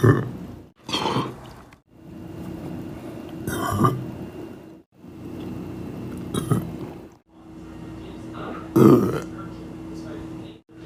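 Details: Young male, deliberate burping: three loud, low, rumbling burps separated by quiet pauses, with a steady room hum behind them.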